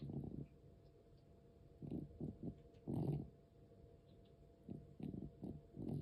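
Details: 13-year-4-month-old cat with asthma, noisy breathing that also occurs during sleep and sometimes stops: rough breaths in irregular bursts, about 21 a minute, over a low room hum; labored asthmatic breathing.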